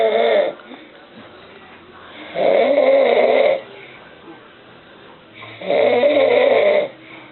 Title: Dad snoring